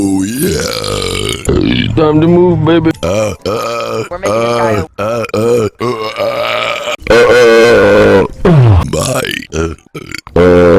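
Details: Burping compilation after eating soup: a run of loud, long, deep voiced belches with short pauses between them.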